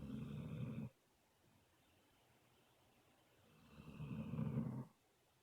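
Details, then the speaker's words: Aspen, a dog napping, snoring loudly: two deep, rumbling snoring breaths about four seconds apart. "You're snoring kind of loud. I'm trying to watch something, baby."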